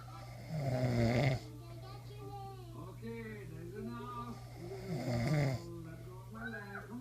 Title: Snoring daddy